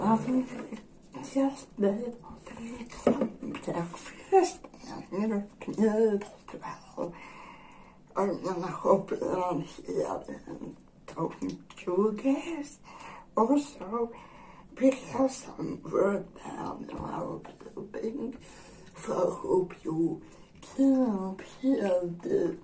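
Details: Woman with generalized dystonia; dysarthria in generalized dystonia.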